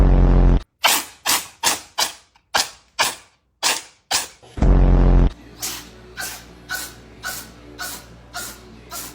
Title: cat sneezing 🤧🤣🤣🤣#cat #catfunny